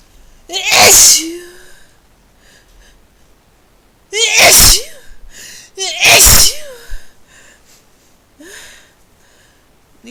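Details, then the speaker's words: Three forceful, high-pitched sneezes in quick succession set off by a new spice, each with a vocal "achoo" and sharp intake of breath, then a softer one; sneezing fit. "to blow my nose now. Those were huge. Again. Issue. Issue. Oh God. Issue. I think the tickle's gone."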